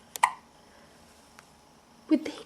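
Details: An infant hiccups: two brief, abrupt hiccup sounds about two seconds apart in a quiet room.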